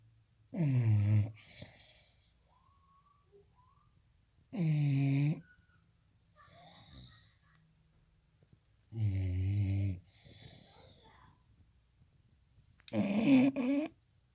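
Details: Sleeping bulldog snoring: four loud, low, rattling snores in about 14 seconds with quieter breaths between.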